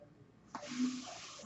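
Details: Real recording of a podcaster's own mechanical ventilator, its breath sounds audible in the background while he talks.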